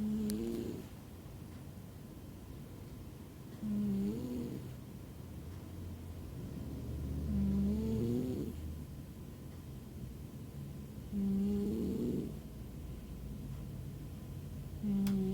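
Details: Pet named Ben snoring like an old man while asleep: regular snoring with a fluttering rasp on each breath, about 16 breaths a minute.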